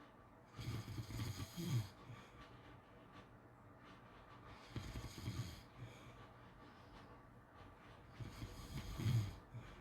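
Loud, rough snores on breathing in, with softer breathing between, about three breath cycles in ten seconds. Ordinary sleep snoring.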